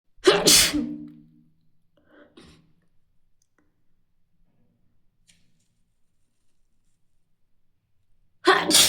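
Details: Two loud, explosive sneezes several seconds apart with quiet breathing between: sneezing.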